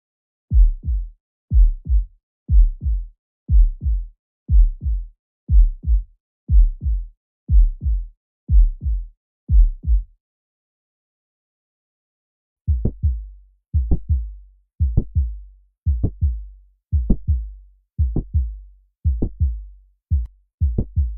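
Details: Heart sounds at about 60 beats a minute, normal beats compared with beats showing the distinctive mid-systolic click and murmur of mitral valve prolapse.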